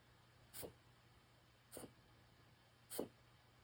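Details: Yorkie with three brief, sharp nasal snorts about a second apart, reverse sneezing.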